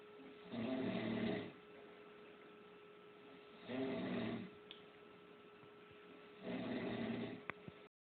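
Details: Man asleep on a sofa: three rough, rattling snores on the in-breath, roughly every three seconds, over a steady electrical hum; ordinary sleep snoring.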